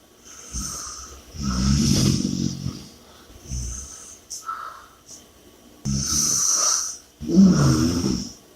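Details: Snoring and heavy breathing audio: loud rattling snores on breathing in alternating with hissing breaths out, about four cycles in eight seconds, during sleep.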